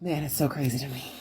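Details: Alaryngeal speech in a woman after laryngectomy (removal of the larynx); voicing method not stated.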